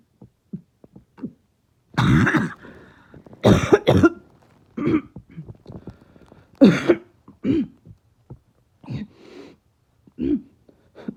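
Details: About eight harsh, forceful barking coughs with short pauses and softer throat sounds between, in a person reporting their chest really hurting.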